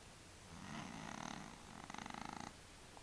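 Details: Soft, fluttering breath noises with a rapid rattling quality from a sleeping cat; light snoring.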